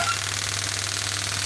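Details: Biotronix pneumatic radial extracorporeal shockwave therapy (ESWT) device, up to 10 bar, probe firing during operating demonstration with shot counter running: rapid, evenly spaced tapping pulses over a steady low hum.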